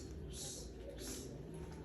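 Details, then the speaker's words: Vocal imitation of a heart murmur, not a real recording: two soft whooshing hisses mimicking blood leaking back through a heart valve that does not close properly. "significa que no abren y cierran bien Eso es la presencia de un soplo cardíaco Y ese es otro cardíaco nos está indicando que hay reflujo de la sangre porque una de las válvulas no está cerrando bien"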